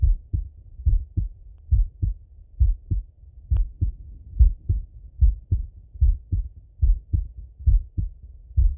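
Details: Male heartbeat auscultated with a stethoscope, recorded either sitting at a desk or lying in bed: steady, dull lub-dub at about 70 beats a minute, no extra sounds between beats; normal heart sounds.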